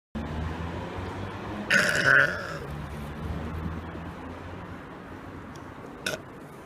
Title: Burping In Public Prank 3 (GONE RIGHT)